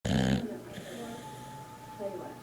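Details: A sleeping dog's loud snoring: one rough, snorting snore, then quieter breathing with a faint whistle.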